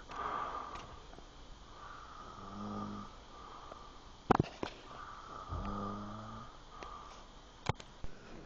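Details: Low, buzzing inspiratory snoring from the speaker's dad while he is asleep; two snores over quiet room noise with a few clicks.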